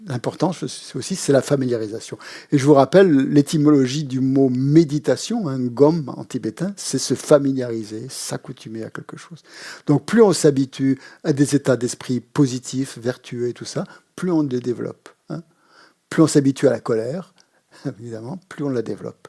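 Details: Adult man speaking French; Normal speech.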